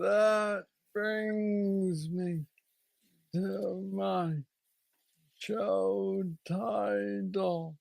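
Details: Man diagnosed with Parkinson's disease at age 35, about nine years earlier, with what he calls the most aggressive form he knows; treated with a brain stimulator implant. Hypokinetic dysarthria (Parkinson's disease).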